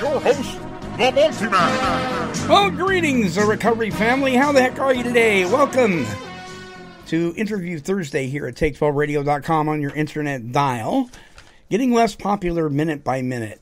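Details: Adult male radio host; ordinary speech.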